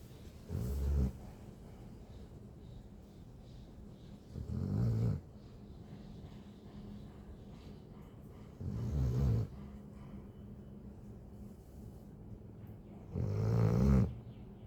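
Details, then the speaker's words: Dog sleeping deeply after a bath and a fresh haircut, snoring loudly: four slow, low rumbling snores about every four to five seconds, with a faint hum between them. "Ang lakas ng hilik. Pakinggan nyo guys ha."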